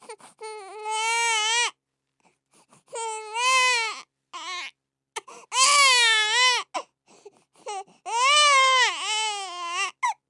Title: Sound of Crying Baby